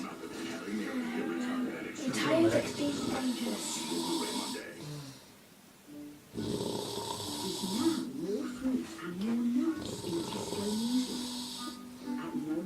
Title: Me snoring